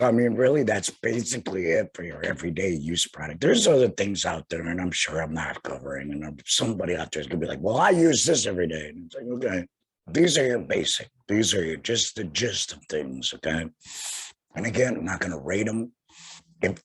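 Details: Tracheoesophageal voice in an adult man about two years after total laryngectomy for head and neck cancer, speaking via tracheoesophageal puncture by finger-occluding his stoma/HME.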